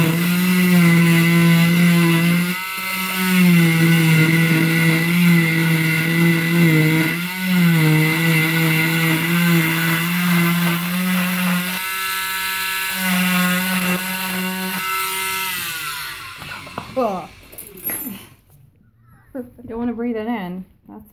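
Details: Oscillating cast saw removing a patient's final, tight arm cast with cotton padding beneath. A loud, steady motor whine with strong hum rises and dips as the blade cuts, then stops, leaving faint handling sounds.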